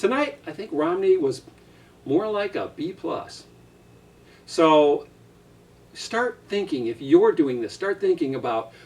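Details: Adult speaker; normal speech.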